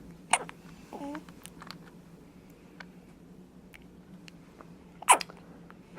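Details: Hiccups and sneezes in a 2-day-old newborn girl who is rooting for food: two sharp, brief bursts about five seconds apart with a short soft cry-like sound between them.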